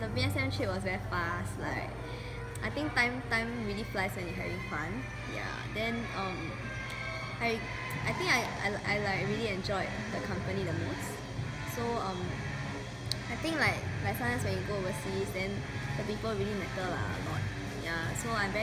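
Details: Adult speaker; Normal voice.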